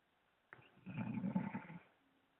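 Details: Sleeping bull terrier dog snoring: one low, rattling snore lasting about a second in a quiet room.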